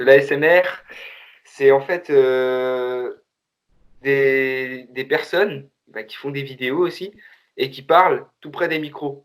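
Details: Male baker who reports that he often stutters when speaking; stuttering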